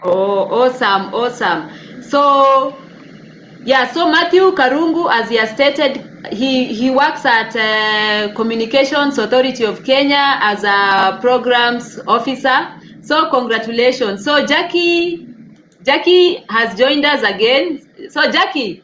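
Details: Adult woman speaking; normal speech.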